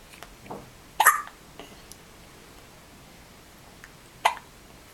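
Two sharp, abrupt hiccup sounds about three seconds apart with faint soft noises between; infant hiccups in a quiet room.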